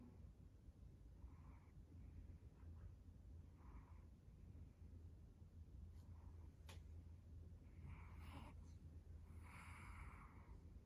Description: My cat, Fred, snoring while taking a nap.